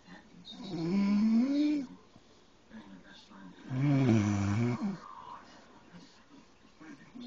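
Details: Adult man snoring: two long, rattling, voiced breaths about three seconds apart in a quiet room, a harsh vibrating rumble on each in-breath.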